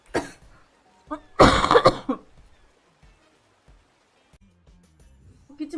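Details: Girl coughing, who says her throat is very itchy: a few short coughs, one louder harsh burst, then quiet; an irritative cough.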